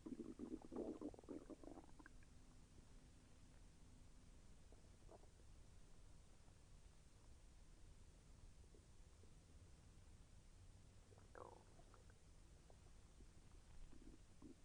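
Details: Soft gurgling, bubbling stomach rumbles over steady low hiss, loudest at the start, during digestion; the person felt the intestine move with slight pain. Bowel sounds (borborygmi).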